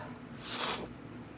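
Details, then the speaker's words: Single short, wet nasal sniff through a congested nose from a woman recovering from being sick, still with the sniffles. "still got the sniffles, so excuse me for that."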